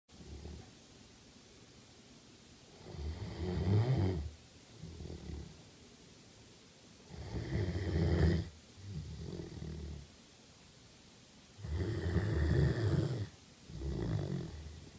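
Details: Great Dane snoring while asleep: deep, rattling snores on each breath in, softer sounds on breathing out, about 14 breaths a minute.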